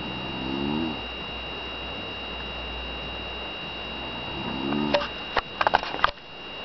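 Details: Twin sister snoring during sleep: two long, low, rattling snores over steady room hum, with a few sharp clicks near the end.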